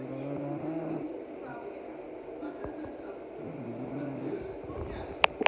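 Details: Sleeping young child snoring: soft, low rattling snores over steady room hiss, ending with a brief click.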